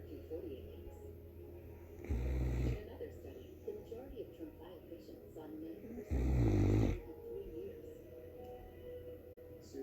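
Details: Great Dane snoring: two loud, rough snoring breaths about four seconds apart, with television speech and music in the background.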